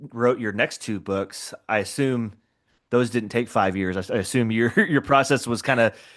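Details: Adult male speaker; typical speech.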